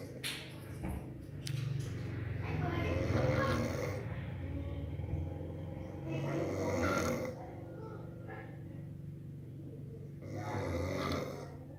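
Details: Sleeper making loud, rough, rumbling breath noise that repeats with each breath during sleep. Snoring.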